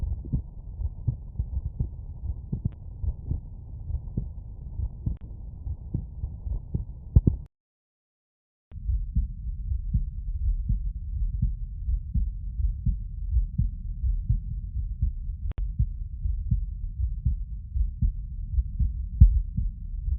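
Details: Normal heart sounds.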